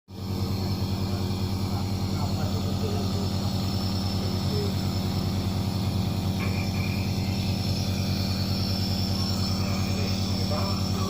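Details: Nebulizer compressor running while a coughing child receives treatment: a loud, steady low motor drone.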